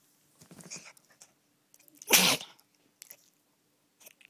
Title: Funny cute dog sneezing three times